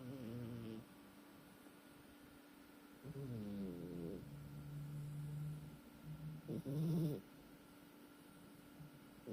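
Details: Snoring "like a steam engine": three loud, low rumbling snoring breaths with a fluttering buzz, separated by quiet pauses.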